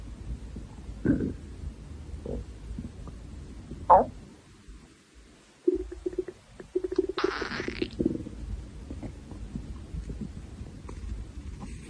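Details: Hungry girl's stomach growling: low gurgles and a drawn-out rumbling growl over background noise; borborygmi from hunger.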